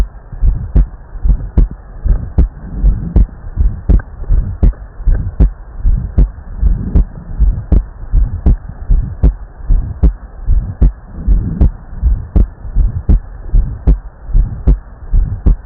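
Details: Regular low thumping heartbeat through a stethoscope, about 77 beats a minute; heart sounds on auscultation.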